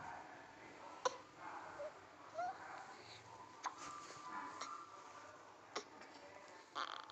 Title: Newborn Hiccup #cutebaby #baby